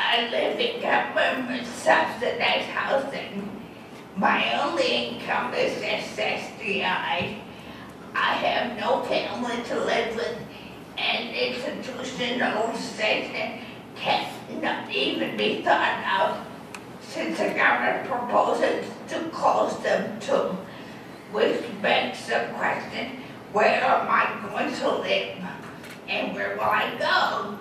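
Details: Adult woman with dysarthria after a massive stroke that left her unable to walk and with lost balance; she reports an audible speech impediment.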